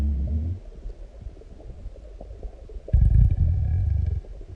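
Deep, low stomach growls and rumbling gurgles with a loud surge near the end, ordinary bowel sounds after a large meal.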